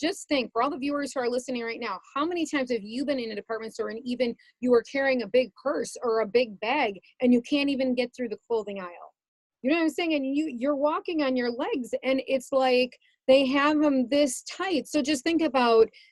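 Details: Adult woman speaking; ordinary speech.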